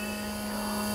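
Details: Omron NE-C803 compressor nebulizer running: a steady low motor hum with a constant buzzing tone.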